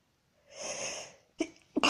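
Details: Female, induced but real sneezing: a single sneeze with a drawn-in breath and a sharp burst, followed by short catching breaths.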